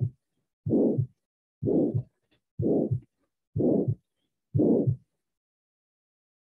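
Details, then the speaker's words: Training recording of a systolic ejection murmur of aortic or pulmonary stenosis, heard at the aortic or pulmonary focus: regular heartbeat near 62 a minute with a harsh rising-then-falling systolic murmur. "Vamos então escutar o sopro ao mesmo tempo que observamos o gráfico do Povo cardiograma"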